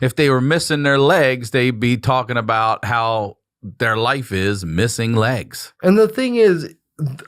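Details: Adult man speaking; typical speech.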